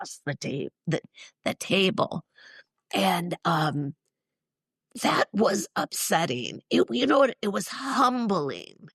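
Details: Woman in her mid-60s, former choir singer and special education teacher, with neurological spasmodic dysphonia involving the basal ganglia, plus essential tremor; affects vowels and weakens the voice; treated with Botox injections to the vocal cords; spasmodic dysphonia.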